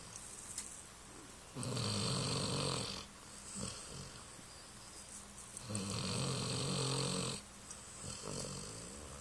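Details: Slow, regular rasping snores from a sleeping dog, about two breaths in nine seconds, with a low rattle on each inspiration; snoring.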